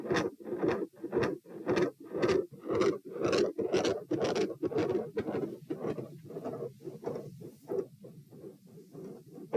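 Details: Heart sounds recorded at position P during a stress test in hot weather, lying, sitting, standing, then lying again (90-102-132-78 bpm): fast regular beats with scratchy mid-systolic murmur and very loud, large S2.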